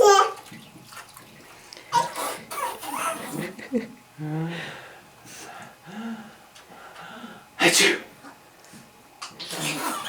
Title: 9 10 11 sneezing